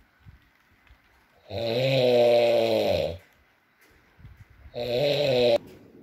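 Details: Adult male (boyfriend) snoring at intervals during sleep: two loud, buzzing, droning snores a few seconds apart against a quiet room background.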